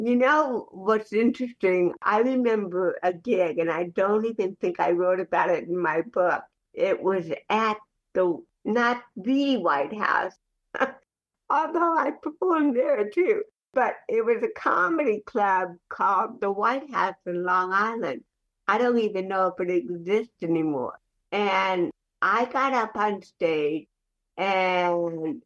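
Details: Adult woman with cerebral palsy since childhood, also hearing impaired, speaking in a real conversational interview; dysarthria in cerebral palsy.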